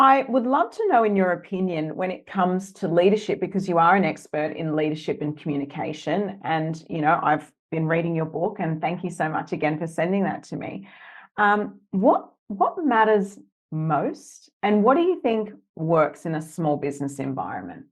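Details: Adult woman speaking; normal speech.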